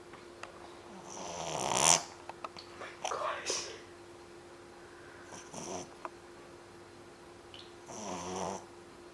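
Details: 3-month-old puppy asleep after a long day playing at the beach: soft rasping snores, three or four noisy breaths, over a steady background hum.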